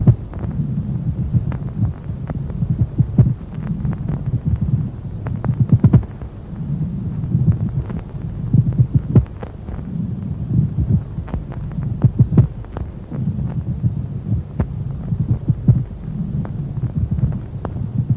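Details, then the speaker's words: Lung auscultation teaching recording of pleurisy: rhythmic low breath noise with scratchy, grating clicks through both inspiration and expiration, a pleural friction rub. "шум трения наблюдается также при рассасывании плевральных жидкостях теперь послушаем разные варианты шум трения"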